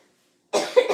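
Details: Single short, loud cough after a moment of silence, during a recorded medical assessment while the nose and sinuses are about to be examined with a pen light.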